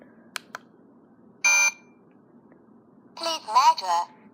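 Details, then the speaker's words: Talking ear thermometer switched on with its bottom button: a few faint clicks, one sharp beep confirming it is on, then a brief, hard-to-understand synthetic voice saying "please measure". "it gave a beep just let me know that it's on and then it says please measure it's kind of the voice it's kinda hard to understand"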